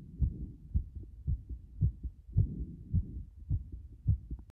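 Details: Low heart thumps at roughly 105 a minute with uneven spacing between beats; an irregular rhythm from frequent arrhythmia.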